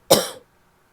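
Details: Annoying barking cough from a female.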